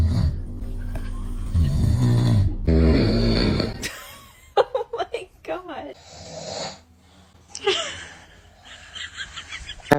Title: when dad's snoring bothers baby🤣#baby #newborn #cute #snoring #funny #foryou #funnybaby #fyp